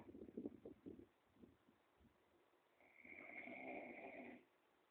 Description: so lazy he just slept on the floor.the bed is right beside him!!! listen to him snore